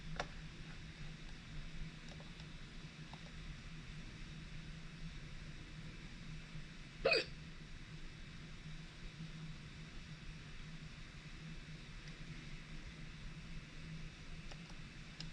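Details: A single sharp, abrupt hiccup breaking a long quiet stretch over a steady background hum, recorded during a hiccup episode.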